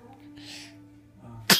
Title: DJ Sneeze